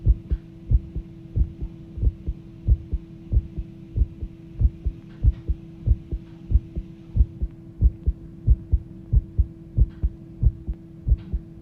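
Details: Regular, heavy thudding heartbeat at about 92 a minute under a steady low hum, recorded when the heart began pounding; a fast but even rhythm.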